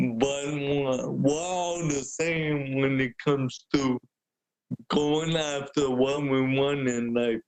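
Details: Adult man born with cerebral palsy, wheelchair user with physical limitations; the host notes speaking is hard for him; dysarthria (cerebral palsy).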